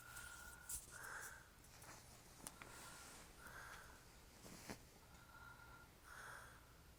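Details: Adult man, described as drunk and hairy-chested, snoring in sleep: repeated nasal snort-like rasping breaths roughly every two and a half seconds in a quiet room.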